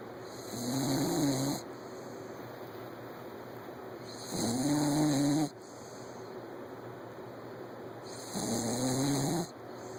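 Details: Puppy passed out asleep, snoring.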